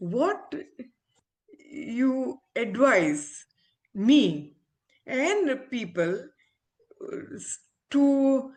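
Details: Adult woman with aphasia after a stroke around when she delivered twins 7 years ago, recovering with speech-language therapy, communication still impaired; aphasia after stroke.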